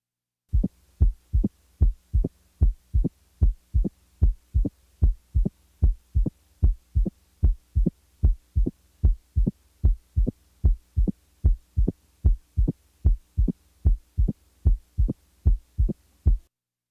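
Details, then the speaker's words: Opening snap: regular heart sounds about 75/min with a sharp high-pitched extra click 60–100 ms after the second sound in early diastole, best heard with diaphragm firmly pressed. "let's also contrast the opening snap to a third heart sound note that the s3 follows the second sound by a longer interval and is lower in pitch than the opening snap"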